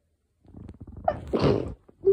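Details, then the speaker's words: Sneeze from pollen allergy with a very itchy, sensitive nose, partly self-induced: a short build-up of catching breaths, then one forceful sneeze. "okay inducing is really easy but all of my sneezes sounded like that"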